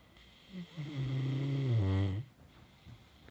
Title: Thought wife was snoring... Nope the dog is!